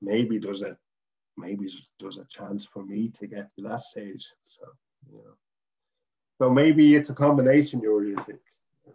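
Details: Adult man from Dublin, Ireland, who stutters, former chairman of the Irish Stammering Association; stuttering.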